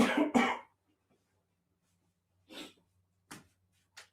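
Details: Coughing from an adult man after something went down the wrong way while talking into a mic: two loud back-to-back coughs, then three softer, more distant coughs.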